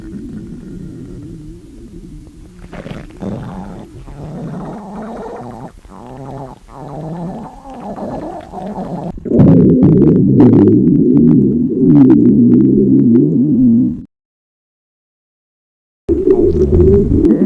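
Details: Long low gurgling, rumbling stomach growls with rippling bubbling sounds, then a louder sustained growl, from a hungry, dieting girl in a stomach-growl role-play set during a gravure photo shoot.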